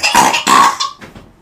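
Two short, harsh bursts followed by fading breathy sounds, a brief cough or burp-like throat sound.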